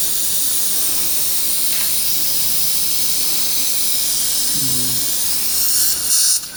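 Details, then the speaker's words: 29-year-old male, tooth #25, immediate implant placement after extraction with bone graft: steady high-pitched hiss and whine of an irrigated surgical drill preparing the site, brief room sounds near the end; sinus floor slightly penetrated. "4.0 by 10 millimeter final drill is going to be used at the 4.5 diameter implant is going to be placed, but to get good primary stability from the sinus floor."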